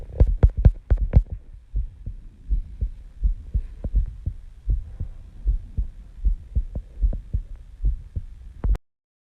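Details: Recorded during sleep at 5:30 am, heart rate about 70 bpm: steady, soft low thumps of a resting adult heartbeat.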